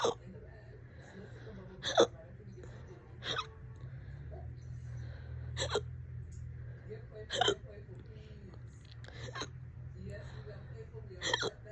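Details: Person with hiccups for about 30 minutes, on and off all day: fast, loud hiccups recurring every one to two seconds over a low room hum; persistent hiccups.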